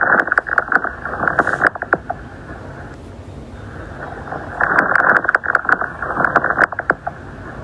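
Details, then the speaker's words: Fine crackles: soft, high-pitched, brief crackles in mid-to-late inspiration over a soft breath sound, mainly at the lung bases, heard with the stethoscope diaphragm while the patient sits with arms crossed. "Los finos son ruidos respiratorios, suaves, agudos y breves, los cuales se van a escuchar en la fase media tardía de la inspiración."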